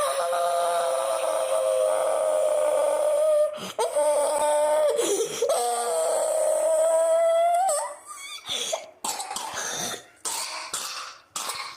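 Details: Person coughing in a small room: a long, high, strained tonal vocal sound, then a run of short, sharp cough bursts.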